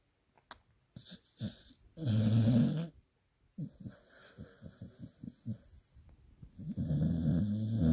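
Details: Dog snoring loudly: loud, rumbling snorts on breaths in, with short fluttering sounds between.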